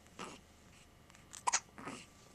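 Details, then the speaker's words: Hiccups occurring about 10 times a day: three brief, sharp bursts in a quiet room, one of them doubled, sudden involuntary catches of breath. "have a lot of hiccups. Like 10 times a day."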